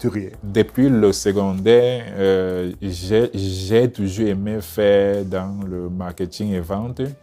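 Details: Adult male speaker, French; stuttering.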